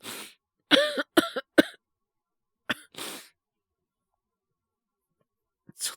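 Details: Acted cough, simulated, by a male voice actor playing a young man catching a cold after falling asleep in a cold classroom: four or five hoarse, voiced coughs, then a further cough and breaths.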